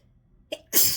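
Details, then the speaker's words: Adult sneezing fit, sneezy since waking on a rainy day, recorded at work without tissues and sneezing into a hand: a brief sharp intake, then a loud, explosive sneeze triggered by trying to sniff back. "Gosh. I mean, that was just from trying to sniff some of this back, and of course I don't have any tissues."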